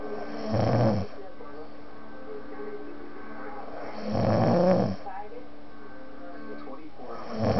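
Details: Loud, deep snores about every three to four seconds, roughly 16 a minute, said to shake the walls, over a steady background hum; heavy snoring.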